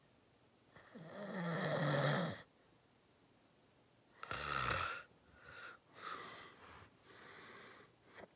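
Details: Loud, deep, rattling snores on inhaled breaths with quieter gaps and softer exhalations between them in a quiet room during a long nap; heavy snoring in sleep.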